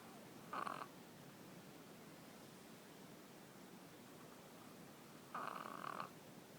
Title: Ruby-frenchie wakes herself up snoring :-)